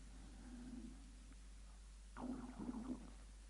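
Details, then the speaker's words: An adult man's stomach gurgling: a low bubbling rumble with a soft start and a louder gurgling burst near the end, heard during speech; bowel sounds (borborygmi). "Can you hear my stomach gurgling? Wow."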